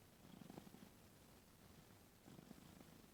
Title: cat snoring with open mouth